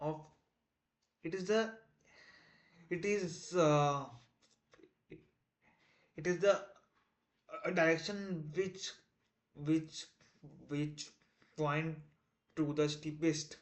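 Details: Male self-described person who stammers, day 1 of a 30-day stop-stammering challenge, trying not to stammer while explaining a math topic; repetitions and fillers audible; stuttering.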